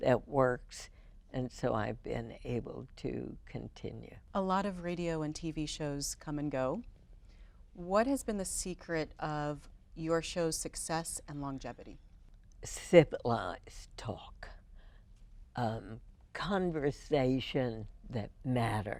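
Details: Adult female with spasmodic dysphonia, first diagnosed in 1998, treated every four months with botulinum toxin injections into the vocal cords; spasmodic dysphonia.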